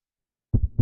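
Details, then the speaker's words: Patient with tachy-brady syndrome, about a week after pacemaker implantation: after silence, rapid low heart thumps about a quarter-second apart, tachycardia at 240 beats per minute. "So ultimately what happened is I did get a pacemaker put in and that controlled the stopping, but about a week after my pacemaker was put in, if you can hear those heartbeats, that's 240 beats per minute."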